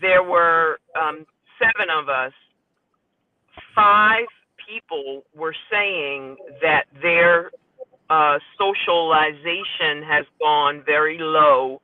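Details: Aphasia after stroke in a female support-group member; speech shows word errors.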